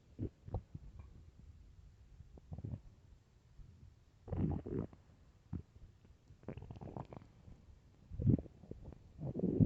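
Irregular low gurgles and rumbling bursts from an empty stomach, ordinary hunger growling.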